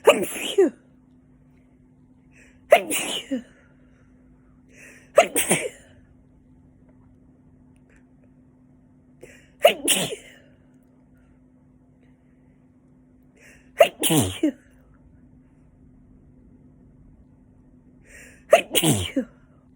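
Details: Repeated sneezing, attributed to wind kicking up dust, in winter: six sharp sneezes, each with a brief intake before it, over about twenty seconds; low steady background hum.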